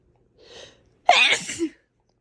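A soft in-breath, then one forceful, hissing, wet-sounding sneeze.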